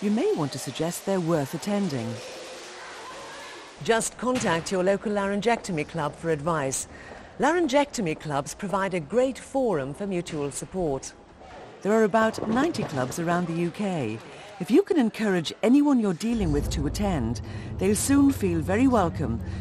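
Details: Adult narrator; typical speech.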